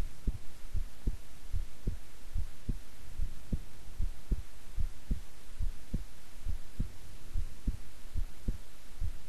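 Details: Own heartbeat recorded at length while keeping still and relaxed: steady soft thumps at about 94 beats a minute under a constant hiss; normal resting heart sounds.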